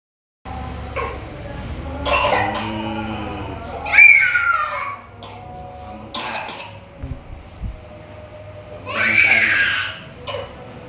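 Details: 3-year-old child with fever: about four separate coughs with whimpering, crying-like voice between them in a quiet room; repeated cough.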